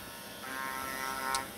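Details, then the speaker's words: Steady low motor buzz of a powered arthroscopic shaver removing the anterior acromion during subacromial decompression of the shoulder, releasing the coracoacromial ligament. "at this point as I do my decompression and remove this anterior chromium really pretty much by definition we're going to release the core chromal ligament"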